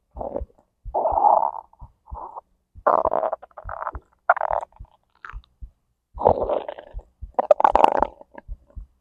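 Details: Digestion recording from stomach to intestines, heartbeat also captured: irregular gurgling, rumbling and bubbling with soft clicks; normal active bowel sounds (borborygmi).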